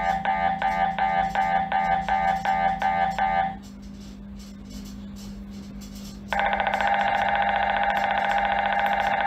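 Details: MRI scanner noise during a scan: loud, rapid mechanical buzzing and beeping pulses, a brief lower hum, then a steady loud electronic drone.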